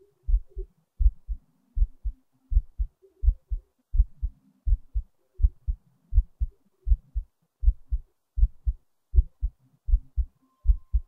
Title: another heartbeat recording